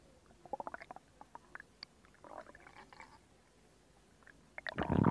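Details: Stomach growling recorded for ASMR: bubbly pops and a short gurgling rumble from the belly as gas and fluid move, ordinary borborygmi.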